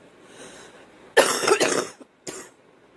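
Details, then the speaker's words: Cough from a girl who smokes homegrown tobacco; she says it hurts and that she has something in there. A harsh run of coughing, two quick bursts then one more after a brief pause, in a quiet room. "But it's just a different kind of cough."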